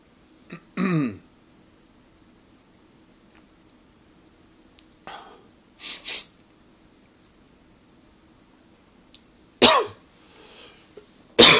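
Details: About six short dry scattered coughs and throat clearings with quiet gaps; tickly dry cough the person attributes to allergies and partly to smoking.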